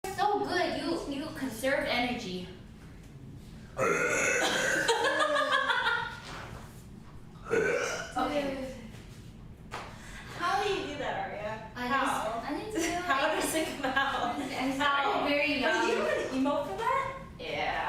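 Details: Streamer burping on a live stream: long, loud, drawn-out voiced belches, several in a row, with short breaks and some talk between them; burping.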